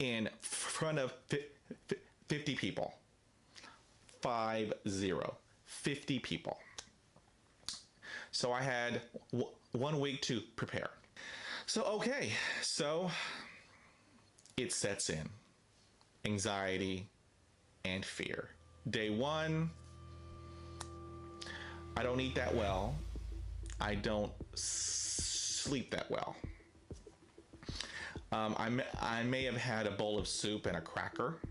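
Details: Stuttering in an adult man with daily fluency struggles who uses a self-help book to cope; word repetitions are present.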